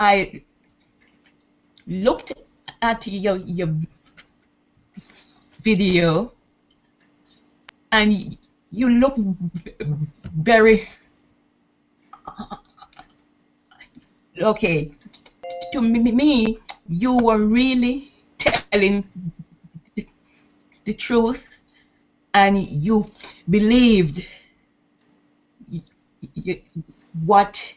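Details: 68-year-old woman from Bermuda who has stuttered all her life, more than 60 years, and tried nine courses; recorded before starting private intensive speech coaching. Stuttering.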